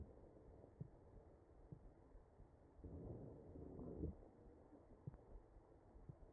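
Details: Real ventilated patient's chest recorded with an electronic stethoscope: wheezing.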